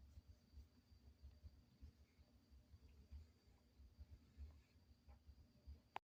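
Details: Soft, low rumbling snores at about 45–50 a minute in a quiet room from a sleeping Schnoodle puppy.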